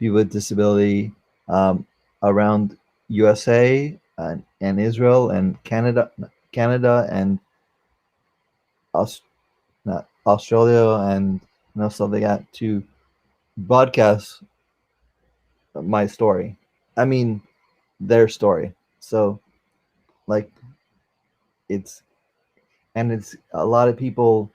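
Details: 44-year-old man, a former paramedic, with aphasia from a stroke during valve surgery; he cannot use one arm; post-stroke aphasia.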